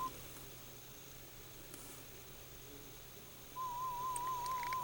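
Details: A brief warbling tone, then quiet room hiss, then the same soft wavering pure tone returns: a 1000 Hz FM warble tone through headphones to the right ear during threshold testing, where threshold was found at 10 dB HL.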